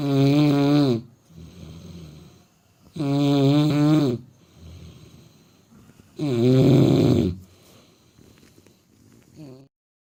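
Loud, tonal, buzzing snores about one second long, three in ten seconds, with softer breaths between: snoring during sleep.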